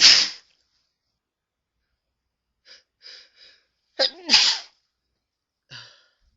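Two sharp, explosive sneezes with a quick inbreath before the second, plus faint rustling and sniffing between them.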